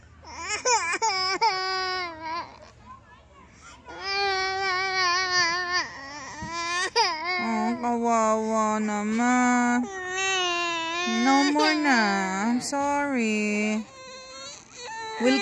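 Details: Young child crying because she wants to go back to the water: loud, wavering wails with sobbing catches between them.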